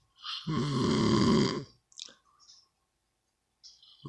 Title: What kind of snore is this part 3